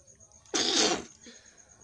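A single loud, explosive sneeze burst lasting about half a second, against a quiet room.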